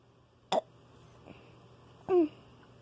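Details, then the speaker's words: Person checking for more hiccups: two short, sharp hiccups about one and a half seconds apart in a quiet room. "guys, I'm going to be seeing if I have any more hiccups. Okay, that was the one. I have any more?"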